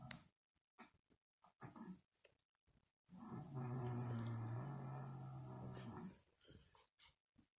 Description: This is what my mother sounds like when she sleeps. It's so loud that I can't be in the same room as she would keep me awake.